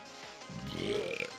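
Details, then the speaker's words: Man burping while playing a video game: a single drawn-out, low, rumbling belch over faint background game sound; an ordinary burp. "I mean, it was my own burp. Maybe I'm a little bit biased, but I think that was solid."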